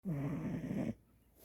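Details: French bulldog, tiny, in her first couple weeks home: a single loud, fluttering, rumbling snore lasting about a second, then quiet. Snoring.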